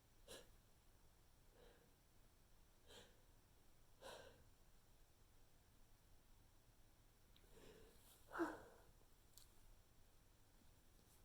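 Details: Persistent nasal tickle: quiet series of brief, weak, stifled, unsatisfying sneezes and sniffs in a small room; mild rapid sneezing fit.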